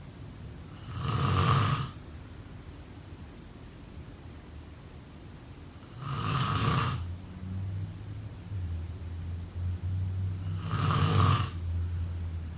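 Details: Three loud, low rumbling snores about five seconds apart, roughly twelve a minute, with quieter breathing between; snoring during sleep.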